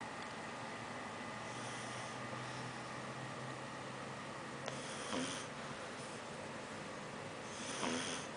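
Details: Sleeping, dreaming pug snoring: soft snorting, snuffling breaths over steady room noise.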